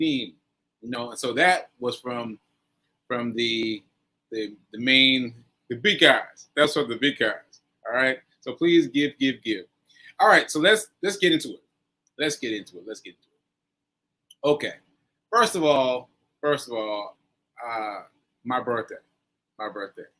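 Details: Post-stroke aphasia in a male, stroke on 7/14/22, recorded about a year later during ongoing recovery; word-finding difficulty with fillers and restarts.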